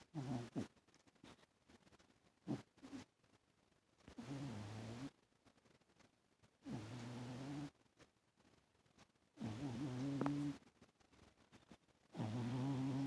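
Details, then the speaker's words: Cat sleeping on an owner's lap snoring loudly: rough, low rattling noises recur about every three seconds with quiet gaps between them. "He's sleeping on my lap, rolling like that and snoring. Can you hear Lee snoring? How can you baby snoring so loud?"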